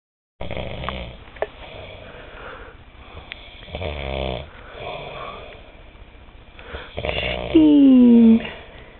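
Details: Two loud, rattling snores from a sleeping man, the second ending in a higher whistling tone, with quiet breathing between them in a small room.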